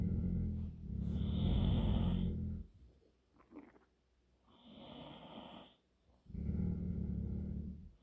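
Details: Sleeping dog snoring, while another dog growls: deep, rumbling snores with quieter breaths out between them.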